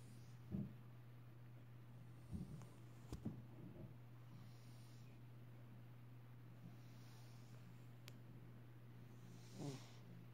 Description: Cat snoring